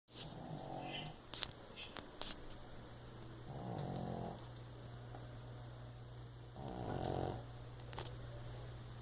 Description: Can't sleep this dog keeps me up all night